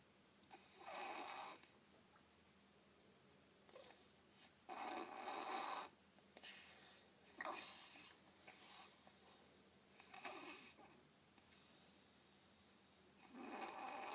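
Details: Lily, in good health without cold or runny nose, sleeping: repeated rough, noisy breathing bursts about every three seconds with pauses in breathing; snoring, owner suspects obstructive sleep apnea.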